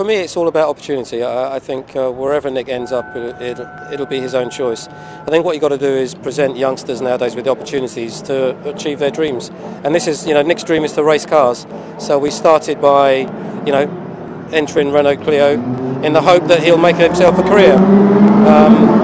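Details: Adult male speaker; ordinary fluent speech.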